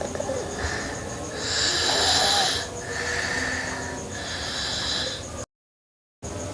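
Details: Sleeping girl snoring: breathy, whistling snores on each breath, about three cycles, in a noisy recording, then a brief cut to silence.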